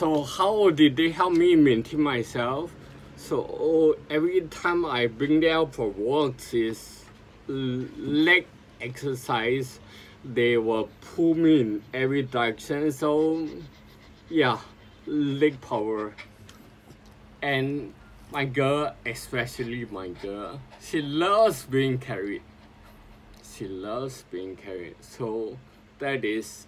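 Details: Adult man with sporadic spinocerebellar ataxia since 2002, recording speech practice as his own speech therapy; ataxic dysarthria.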